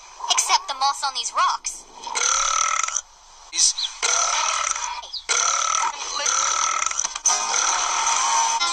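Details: Dragon burps compilation: several long, drawn-out belches in a row with brief pauses between, over light background sound.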